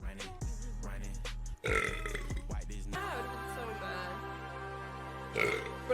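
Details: A few drawn-out voiced belches from girls over background music: burping.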